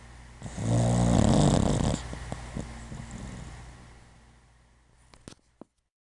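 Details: Duchess, a puppy who has been very sleepy recently, gives one loud, rough, rattling snore lasting about a second and a half, fading into quieter breathing; snoring.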